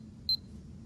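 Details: A single short, high electronic beep as a home blood pressure monitor is switched on by a seated, calm user before three measurements; power-on beep.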